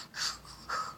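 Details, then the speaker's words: A dog with an elongated soft palate that covered his trachea and tickled it makes two quick, harsh snorting pulls of air through the nose; reverse sneezing, later treated surgically by palate trimming and nostril widening. "so he was trying to pop it out it kept tickling the top of his trachea so he kept trying to like"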